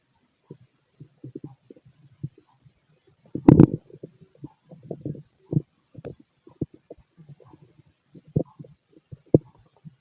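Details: Male stomach growling during digestion: low gurgling and bubbling rumbles in irregular bursts, with one louder gurgle.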